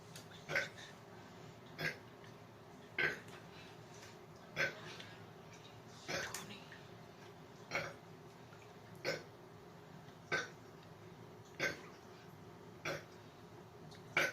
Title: 100 Burps in 2 mins (record breaker)